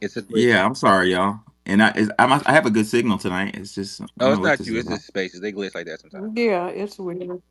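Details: Adult male speaker; normal voice.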